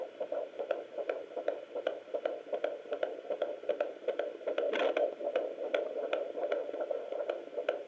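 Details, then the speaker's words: Home fetal Doppler on the abdomen of a pregnant mother who previously had twins: rapid, regular whooshing fetal heartbeat around 160-170 beats per minute, up from the 140s the week before; fetal heartbeat on Doppler. "Very cool. 160s, 170s. Wow. Last week I did it was in the 140s. Now it's like high again."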